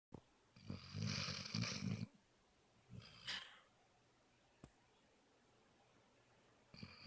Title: Mojo the Basset Hound Snoring